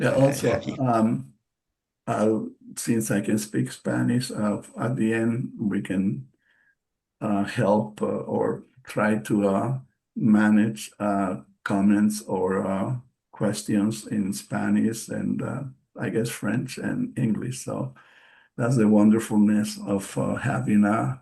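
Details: Post-stroke aphasia in an adult male bilingual psychotherapist, present since his stroke in March 2020; he is speaking English as a non-native speaker and says he speaks slowly because of it; aphasia.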